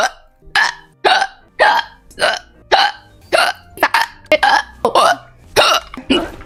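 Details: A run of about a dozen short, abrupt voiced hiccups, roughly two per second and fairly regular; hiccups.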